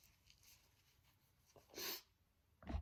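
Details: Adult sneezing on self, described as huge, desperate sneezes: two forceful sneezes in a quiet room, the second cut off; ordinary sneezing.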